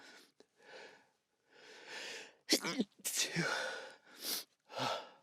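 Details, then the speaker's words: Adult sneezing in a sound-treated room, with a burning feeling at the roof of the mouth; several breathy build-up inhalations, then loud, fierce, quick sneeze bursts. "It's the burn I can feel at the roof of my mouth. It's really weird. That was fierce and quick."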